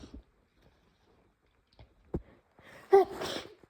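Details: Sneezing with nose blowing in a developing cold or flu: short sniffs and breath intakes lead into one loud explosive sneeze, then nose-clearing noise.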